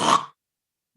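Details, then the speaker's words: Adult imitating mouth snoring, a single brief rough rattling snore made through the open mouth, demonstrating the mouth type versus nasal snoring; mouth snoring cannot occur with the mouth closed. "there's two types of snoring snoring through the mouth and snoring through the nose snoring through the mouth goes as follows"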